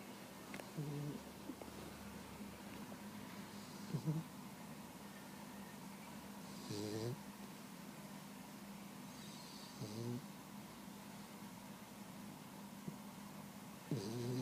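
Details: 16-week-old Boxer puppy napping in the afternoon, snoring and dreaming; soft, snuffly snores about every three seconds over a steady background hum: snoring.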